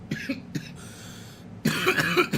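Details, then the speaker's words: Vaper who says they have "baby lungs", after a draw on a strawberry-flavoured cannabis vape cartridge that burns hot: several short, harsh cough bursts with throat clearing; reflex irritant cough after inhaling vapour. "Woo. That one definitely burns a little hot. Like, came out piping."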